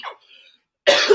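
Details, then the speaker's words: A single loud, harsh cough burst after a brief breath, in a quiet room; an ordinary isolated cough from an adult during a live talk show. "Y'all already know what time it is when y'all hear that cough."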